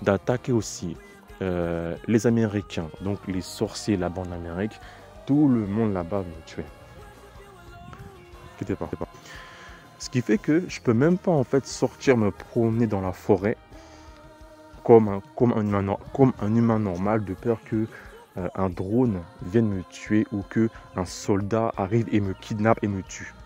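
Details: Stuttering in a French-speaking man who describes it as a terrible stutter and attributes it to witchcraft.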